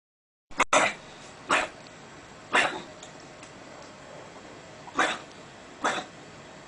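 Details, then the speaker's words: Puppy with kennel cough (laryngotracheitis): five harsh, dry, hacking coughs from the upper airway (larynx), not preceded by a deep inspiration, a battery of very rapid expiratory reflexes. "on the right side we got a puppy which is presenting again with coughing but the cough this time is not preceded by a deep inspiration and is characterized by a battery of very rapid expiratory reflexes"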